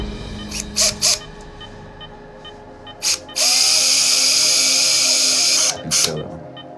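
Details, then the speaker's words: Short bursts, then a sustained high whine of a surgical drill running for about two seconds, with music behind, as screws are placed to repair a fox's leg fracture after the drill had been struggling to work. "it's going all right now as long as that drill keeps working got a screw in the bottom there look screwing the top there"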